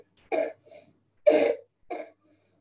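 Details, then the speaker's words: Child with neuromuscular disability and a swallowing problem: three loose, wet-sounding coughs, as if there are phlegmy secretions in the throat, coughing to clear the upper airway; a wet cough. "this is a wet sounding cough i was talking about this is very very typical you can hear as if there is something in the throat a flaming kind of secretion in the throat"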